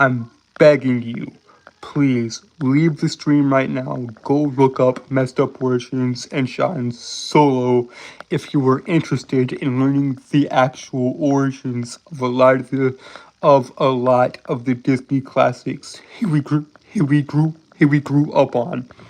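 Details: Real stuttering in an adult male streamer who says he has a severe speech impediment that makes him stutter and trip over words; word and phrase repetitions.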